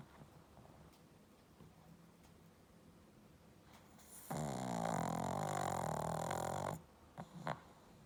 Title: Pug Snoring With Scary Moving Eyes 😦